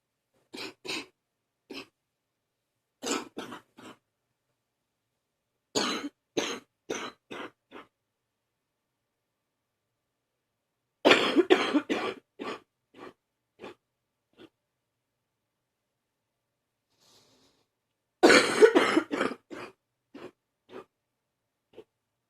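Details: Morning cough: repeated deep, harsh coughs in five bouts, each fading into weaker trailing coughs over about twenty seconds: deep cough.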